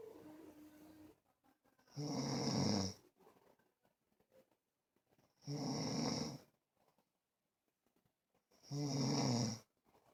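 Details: Snoring: three loud, rough inhaled snores about 3 to 4 seconds apart, near 18 a minute, with quiet pauses between them in a small room.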